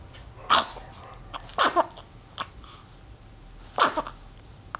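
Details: Sneezing: three short explosive sneezes with sharp onsets, with a few softer sniffs and clicks between.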